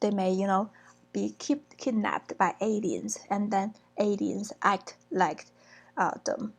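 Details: Lecturer reading aloud an example of disorganized speech in schizophrenia, with disjointed topic skipping possibly from impaired shifting and maintaining of attention; acted example, disorganized speech.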